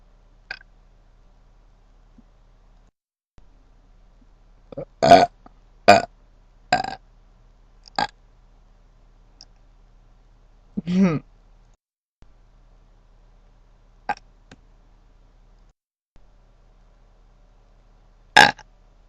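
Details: Repeated burping: several separate belches of varying length and loudness over about twenty seconds, with quiet gaps between them.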